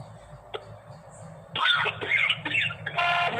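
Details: Short burst of several harsh acted coughs opening an Indian government coronavirus health-advisory phone caller tune.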